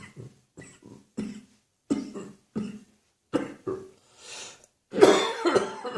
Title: Mid-morning Winter Coughing Fit